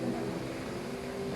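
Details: Chow chow dog asleep, breathing with a steady, low, rumbling, engine-like buzz, human-like: snoring.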